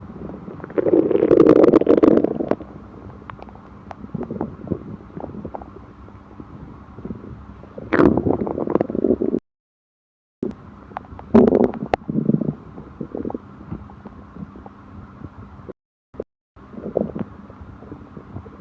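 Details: Stomach upset after eating: bubbling, gurgling rumbles in bursts with quieter stretches between; stomach growling (borborygmi).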